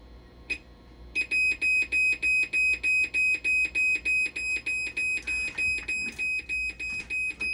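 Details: Hemodialysis machine sounding a persistent low flow error alarm during repair troubleshooting after bulbs were replaced: fast, regular high-pitched beeping, about three per second, in a quiet room.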